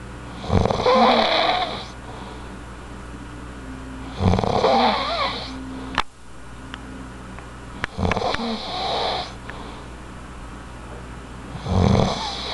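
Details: Snoring from a sleeping male, repeated snuffling, rattling snores roughly every four seconds with faint background sound.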